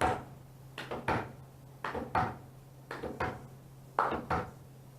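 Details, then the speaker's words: Lecture demonstration tapping out a gallop rhythm: grouped wooden knocks with an extra beat mimicking a third heart sound (S3), slower than the real sound; the lecturer links it to the atrioventricular valves not closing together, as after a heart attack. "It sounds like a gallop, and we call it a gallop. But there's a third heart sound there."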